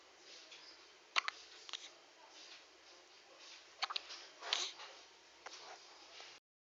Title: A one week baby with hiccups